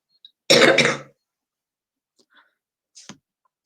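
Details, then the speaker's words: Harsh, rough throat-clearing cough burst from an adult with a bad cold and cough, followed by quiet small throat sounds, during a live stream. "sorry that was a nasty bit of cough coming so I I wanted to do I wanted to make sure you don't hear it okay"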